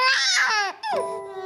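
A baby gives a high, wailing cry, then a short pause and a second falling wail, with faint room sound behind it. Infant crying.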